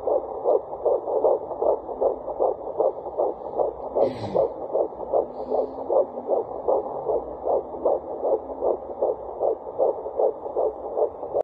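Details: Handheld fetal Doppler at 12 weeks 6 days of pregnancy: rapid, regular whooshing fetal heartbeat at about 150–155 beats a minute; normal fetal heartbeat.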